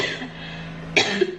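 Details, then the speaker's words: A single abrupt cough burst from an adult woman with a current cough, following low room hum. "can you hear me cough I know you can I have cough"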